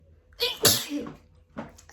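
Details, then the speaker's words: Sneeze in an adult with autumn allergies, just back from a walk: a single sharp, forceful sneeze in a quiet room, followed by a softer after-sound. "So I've just been out for a walk. And it's so difficult not to put my hand on my face. And I've been for a walk and now this is happening."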